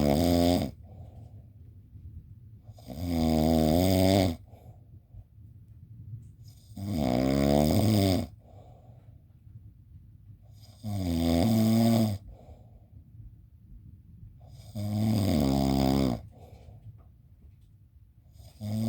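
Loud, rattling snores on each breath in, about 16 a minute, with quiet breathing out between; regular heavy snoring.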